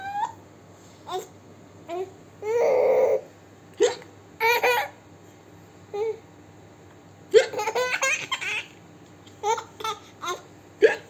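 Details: Hiccups in a young daughter: short, abrupt voiced catches at irregular intervals between bouts of child's laughter.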